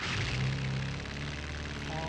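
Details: Simulated tinnitus sound of the electrical-appliance (electrical hum) type, one of several examples of what people hear inside the ear.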